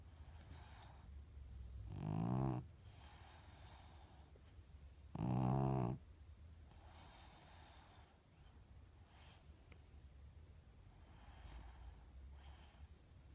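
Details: Female dog snoring loudly enough to keep the household awake: two short, rough snorting snores over soft, steady breathing; ordinary dog snoring.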